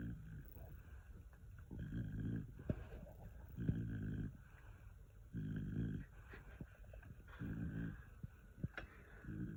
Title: Bulldog snoring away !!!!